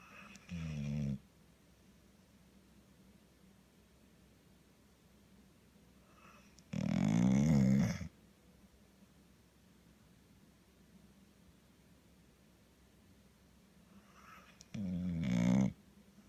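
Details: Snoring during sleep: three loud, low, rumbling snores about every seven seconds, roughly nine breaths a minute, with near silence between them.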